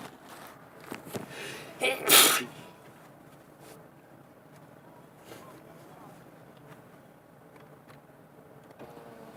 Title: Another sneezing fit by driving